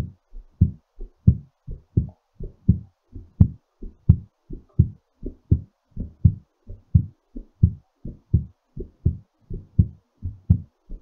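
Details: Heartbeat recovering after exercise: strong, steady paired heart thumps at about 85 a minute.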